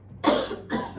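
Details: Two harsh, wet-sounding cough bursts in quick succession: acted cough while faking coughing up blood and chest pain in a prank on a boyfriend.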